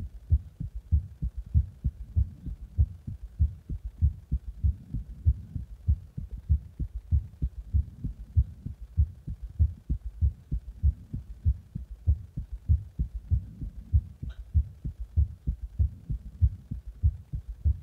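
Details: An adult's own heartbeat recorded after pressure on the heart: steady, regular low thumping with no background noise.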